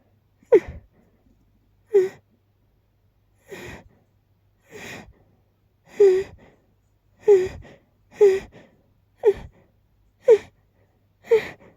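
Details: A person deliberately holding back sneezes, producing about ten sharp, rising, catching in-breaths roughly one per second, building up before a sneeze: pre-sneeze gasping.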